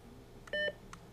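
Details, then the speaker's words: Short electronic beeps and a steady two-tone chirp from a Philips HeartStart OnSite AED running its battery insertion self-test after a new battery; a normal device prompt. "when you install a new battery be sure to let the battery insertion self test run through both its interactive and automatic parts"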